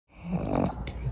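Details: Pug standing up asleep in a swimming pool: a single low, rattling, snorting breath; snoring.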